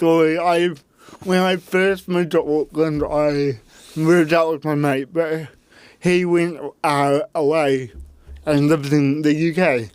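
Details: Adult man with cerebral palsy since birth, parents told he would never walk or talk, intensive therapy from birth to age six for walking and talking, used a walking frame at school; dysarthria (cerebral palsy).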